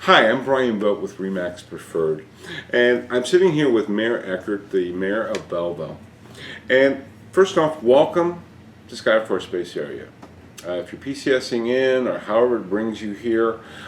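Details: Adult man; Normal speech.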